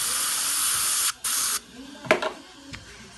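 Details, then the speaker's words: Loud, steady hiss of compressed air lasting about 1.5 seconds, a brief break, then quiet, as a dental air syringe dries isolated premolar tooth #20 after etching and rinsing, before sealant placement. "so now we're going to dry this piece off and you dry it"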